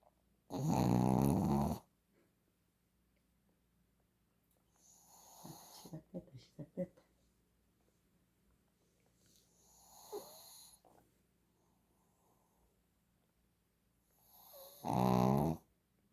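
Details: Shih Tzu dog asleep and snoring: two loud rattling snores with softer snuffling breaths between them.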